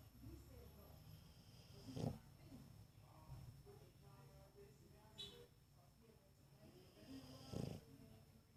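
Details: Snoring while awake: low, rumbling snore-like snorts with a few louder nasal snorts and noisy, rattly breathing over steady background noise.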